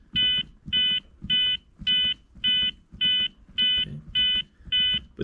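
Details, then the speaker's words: ZOLL X-Series Advanced monitor pediatric CPR feedback: steady metronome beeps at 105 per minute with soft compression thuds between, one chest compression per beep; same rate at every age. "The metronome is the same, right? Because that's the same for everybody. 105 compressions per minute. So, every time you hear a beep, you should do a compression."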